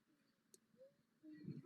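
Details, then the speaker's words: Inspiratory wheeze from the larynx in a standing female athlete, later diagnosed with a dysfunctional breathing pattern, whose stomach and chest do not move together; a faint, high musical whistle on a quiet in-breath. "you stand up for me your stomach and chest aren't moving together you can hear that weed that laryngeal issue"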